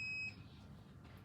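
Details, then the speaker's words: One short, high electronic beep, then quiet room hum: the power-on tone of an anesthesia machine during its pre-use machine check. "Next, you want to turn on your machine."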